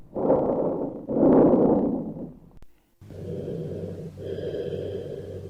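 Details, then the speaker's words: Cavernous (amphoric) bronchial breath sounds suggesting a lung cavity, with no tubular breath sounds: low-pitched, hollow, louder longer expiration. The patient has an impaired percussion note over the left clavicular, infraclavicular and axillary areas, chest wall flattening and a positive trail sign. "And on auscultation, tubular breath sounds are not heard. There are cavernous breath sounds suggesting a cavity."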